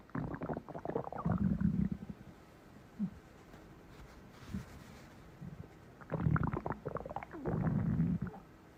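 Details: Close-up recording of a stomach growling: two long bursts of low, gurgling rumbles with short squeaky runs between them, ordinary borborygmi.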